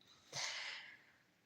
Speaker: my dogs are snoring it is hilarious do you hear that that dog is snoring